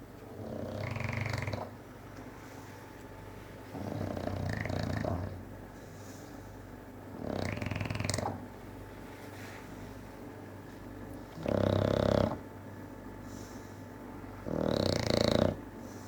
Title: Bulldog snoring whilst awake.